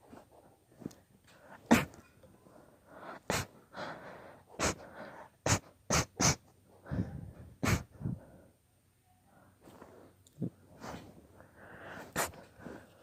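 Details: Long, deliberately induced sneezing fit: a rapid run of about ten sharp sneezes, each preceded by quick inhalations, forming a prolonged fit; sneezing fit.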